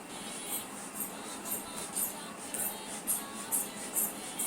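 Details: Home blood pressure check with a manual mercury-free sphygmomanometer (Dr. Odin): regular soft squeezing puffs about twice a second as the bulb is pumped to inflate the cuff, over faint room noise.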